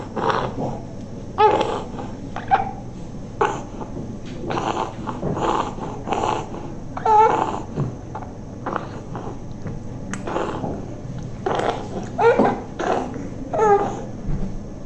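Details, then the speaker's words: Otherwise well child with noisy breathing possibly present since birth, suspected to be a congenital problem masquerading as asthma: an expiratory monophonic wheeze. "And if you look at this child carefully, then otherwise the child is well, but the child has some expiratory noise."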